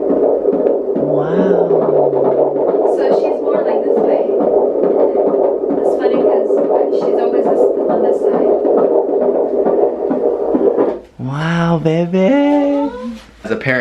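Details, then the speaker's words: Fetal heartbeat at 20 weeks of pregnancy heard through a doppler: rapid whooshing throb, described as beating very fast, with a steady hum and voices at the end. "Hear it? That's your sister's heart. Oh my God, it's beating so fast. That's your baby sister."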